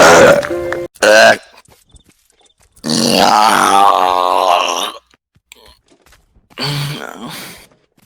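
Several loud, throaty belches of varying length, one long and drawn out, with music in the background.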